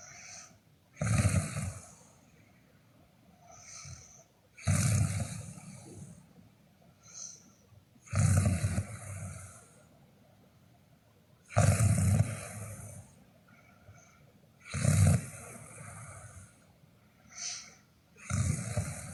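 Loud, rattling snores on each inhalation with softer breathing sounds between, about 17 breaths a minute: heavy snoring.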